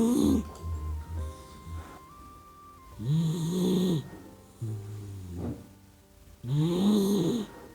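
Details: Soft, irregular snoring noises, roughly 17 a minute, from a sleeping puppy dog, with music over them; harmless sleep snoring.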